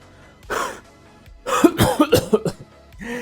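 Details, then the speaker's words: Airway clearance technique for a phlegmy cough: a relaxed deep breath, a forceful gradual huff out, then a quick run of about five deliberate voluntary coughs to help bring up phlegm. "Biasanya kalau caranya benar akan keluar batuk seperti itu dan dahaknya akan lebih mudah keluar"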